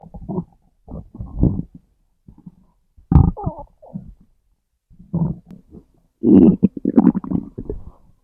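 Gurgling, rumbling bursts separated by quiet gaps; ordinary stomach growling.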